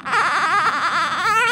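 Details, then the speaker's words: Newborn girl in the NICU, one week and one day old, crying during her first bath as her diaper is changed and skin wiped: continuous, loud, high-pitched wavering cry in a quiet room. "oh no you just don't want nobody messing with you you're not going to hold me or feed me leave me alone huh"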